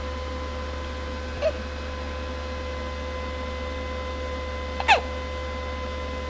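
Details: Hiccups: two brief, sharp hiccup-like catches about three seconds apart over steady electrical hum, with whining in the background; no crying heard.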